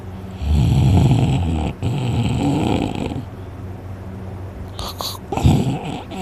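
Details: A very tired person asleep after a day of hunting snores heavily, with a sore throat afterwards: loud, deep, rumbling snores with a rattling flutter on each breath.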